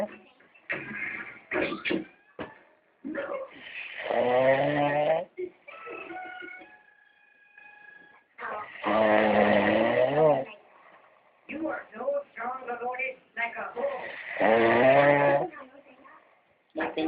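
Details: Cartoon character snoring: three loud, rattling snores roughly five seconds apart, separated by quiet whistling breaths out, from a cartoon soundtrack; snoring.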